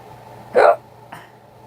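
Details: Hiccups, first of the year, thought to follow drinking soup broth and tea too fast: a single sharp voiced hiccup followed by a fainter click, with quiet room hum.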